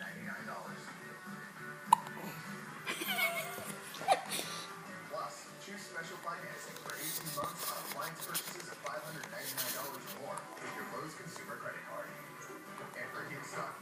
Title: has the hiccups